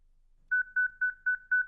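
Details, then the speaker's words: Steady pulsed electronic tone, about four beeps a second: a ZOLL Zenix EMS monitor/defibrillator precharging during CPR when the See-Thru CPR filtered ECG rhythm looks shockable, before pausing CPR to confirm and shock; instructional demo. "Si le rythme ECG filtré semble choquable, préchargez le défibrillateur,"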